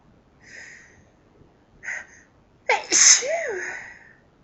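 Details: Two soft breathy lead-in sounds, then one sharp, loud sneeze ending in a brief voiced trail, within a long run of repeated sneezing.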